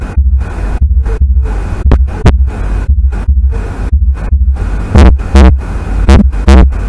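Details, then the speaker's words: Regular low lub-dub heartbeats with two clear sounds per beat and nothing extra; normal first and second heart sounds (S1 and S2). "خلينا نشوف هذا المقطع حتى قدرنا تاخذ على الفيرست هارت ساوند وحتى كذلك السكند هارت ساوند هنا موجود وياه."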